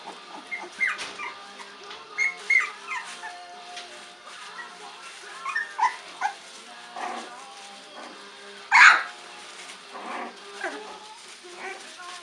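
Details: Olde English Bulldogge puppy gives soft snuffles and small nasal sounds building up, then one sharp, explosive sneeze, over quiet background music.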